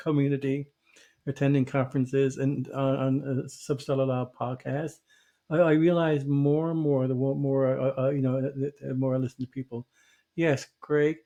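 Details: Stuttering in an adult man who stutters, formerly a covert stutterer for many years; real, not acted.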